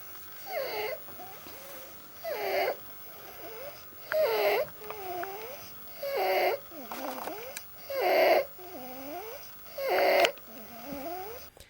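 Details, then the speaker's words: Inspiratory stridor in a child, as in more severe croup: harsh, high-pitched crowing noise on each breath in, about 32 breaths a minute. "more severe cases can lead to Strider which is the harsh high pitch sound you can hear when a kid inh"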